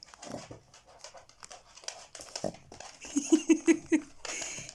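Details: Sleeping dog that the owner says is snoring, found asleep on her return from work: rapid, short breath sounds about 160 a minute with faint room noise; panting.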